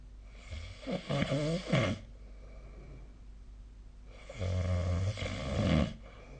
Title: 🐽 本日のイビキ / Snoring Sleep Sound 2025/02/24